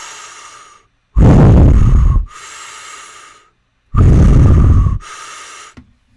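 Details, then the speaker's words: Instructor in an advanced EMT airway class imitating Kussmaul respirations of ketoacidosis: deep, loud, roaring breaths likened to a hurricane; simulated, not a patient. "okay so that's what it sound that's what it's gonna sound like and you'll see those patients coming in yep well that's pretty much it came back and sounded like a hurricane"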